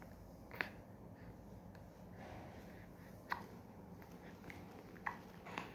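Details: Two-month-old baby; soft, brief hiccup clicks repeating roughly every two seconds over quiet room noise. Infant hiccups.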